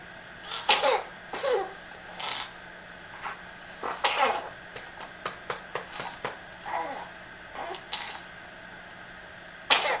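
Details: Child, girl, in one of her nighttime coughing fits: repeated harsh coughs in a sustained run.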